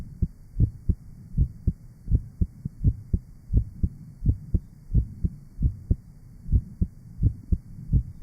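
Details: 1955 Johns Hopkins heart sound laboratory recording of rheumatic heart disease with mitral valve disease; auscultation sites named are aortic, pulmonic, lower left sternal border and apex. The recording includes EKG and respiration tracings.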